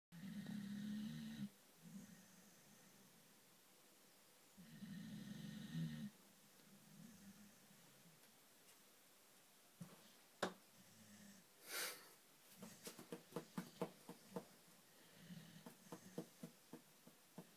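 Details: Labrador dog snoring loudly in sleep: low rumbling snores, some strong, some softer, with clicking noises near the end.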